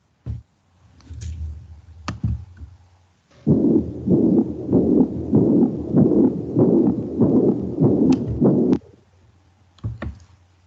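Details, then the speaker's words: Third heart sound (S3 gallop): regular heart sounds near 97 a minute with an extra soft, low-frequency thud early after each second sound; may indicate congestive heart failure or dilated cardiomyopathy, or be physiological under age 40. "O terceiro som, ele indica insuficiência cardíaca congestiva ou miocardiopatia dilatada. Ele tem baixa frequência no início da sístole e ele pode ser considerado fisiologicamente normal em paciente com menos de 40 anos, já que o batimento cardíaco das pessoas mais novas é mais acelerado."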